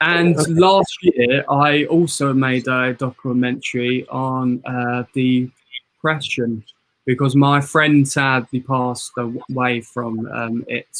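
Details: 22-year-old man with a stammer who attended a two-week intensive stammering therapy course; stammer (stuttering).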